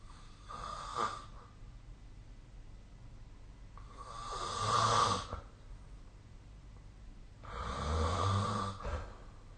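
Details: Snoring during sleep, apparently recorded with the SnoreLab snoring app: three rough, rattling snores on the in-breath at about 18 breaths a minute, with quiet gaps between.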